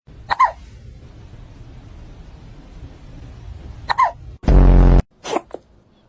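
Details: Cat suddenly having hiccups, possibly after eating its food too fast: two brief, sharp, matching hiccup sounds a few seconds apart in a quiet room.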